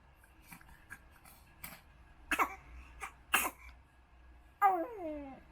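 Several small, light coughs in a quiet room, followed by a brief vocal sound; a young child's cough.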